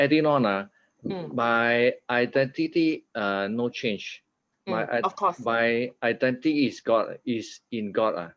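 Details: 50-year-old man after a stroke in June 2018, with aphasia and apraxia of speech initially so severe he could not articulate a sound, now much recovered: aphasia.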